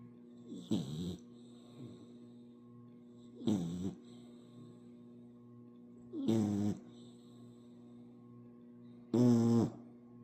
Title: Puppy Snores 💤 #puppyvideos #puppylife #puppydog #dogshorts #dog #dogs #puppy #puppyshorts #doglife